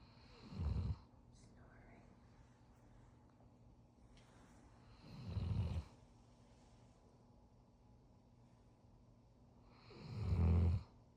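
Three low, rumbling snores about five seconds apart, roughly 12 a minute, with quiet room noise between them. Ordinary snoring.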